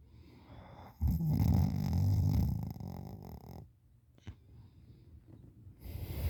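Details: Sleeping on the side with mouth open, drooling, giving wet-sounding snores: snoring.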